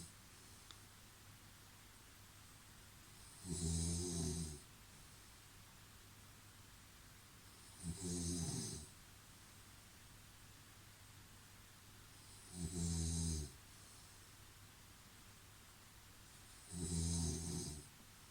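Loud, regular snores about every four seconds, roughly 14 breaths a minute, with quiet pauses between them.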